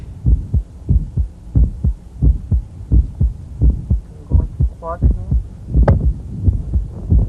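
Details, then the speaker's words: Mitral valve prolapse click in a female patient as she squats and stands: regular heartbeat near 87 a minute with a faint click close after the first sound, moving with the maneuvers; brief tonal noise midway. "so we'll listen to her click as she squats and stands very difficult to appreciate right next to the first hurts am"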